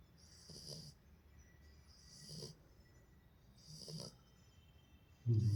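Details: Soft rhythmic snoring from a sleeping Beagle puppy, a low rumbling snort with each breath at about 37 breaths a minute, and a brief thump at the end.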